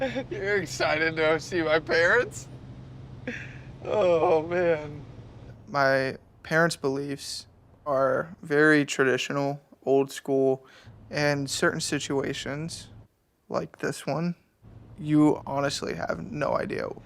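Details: Adult male speaker; normal speech.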